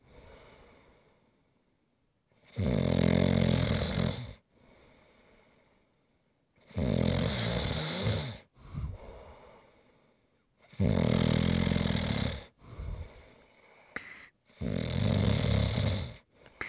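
Four loud, rough inward snores with quieter snorting exhalations, roughly every four seconds; steady snoring.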